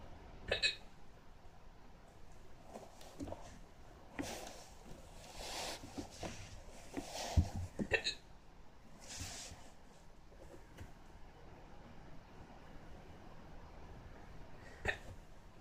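Brief, sharp, sudden hiccup sounds at irregular intervals, about four in fifteen seconds, over quiet room noise and some soft breathing.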